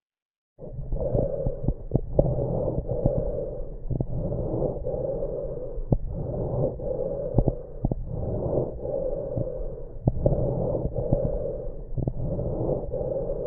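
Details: COPD lung sounds through a stethoscope: repeated breath cycles with prolonged exhalation and scattered coarse popping crackles on inspiration.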